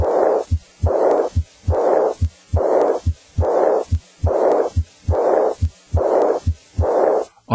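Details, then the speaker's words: Regular heart sounds about 71 a minute; blowing murmur starting right after S2 without gap, fading before next S1, as in aortic regurgitation; early diastolic murmur. "early diastolic as in a or decor agitation starts right after s - without a discernible gap they usually fades into silence before the next s1 a"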